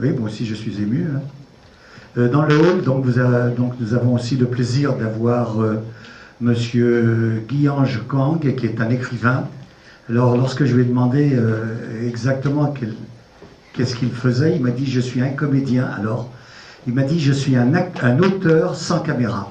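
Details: Adult man speaking French; normal speech.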